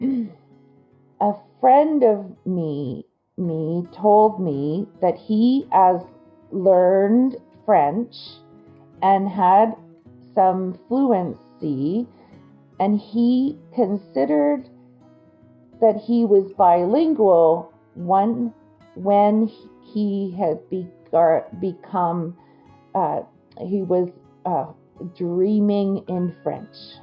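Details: Adult woman with Broca's (non-fluent) aphasia after a stroke that injured the Broca region of her brain; word-finding difficulty and sound substitutions reported, comprehension intact.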